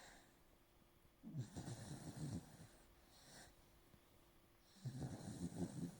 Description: Candy lying on my lap, snoring and dreaming.